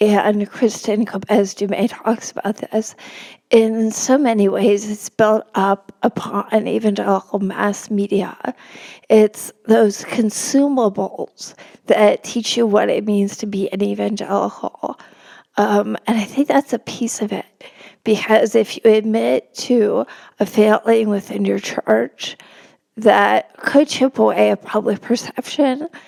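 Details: Adult woman, a religion reporter, with spasmodic dysphonia, which she notes can make her sound nervous though she is not; spasmodic dysphonia.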